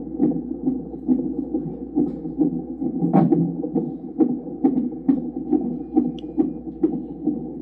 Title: Monitoring heart in mom’s tummy #pregnant #babysheartsound #OBGYN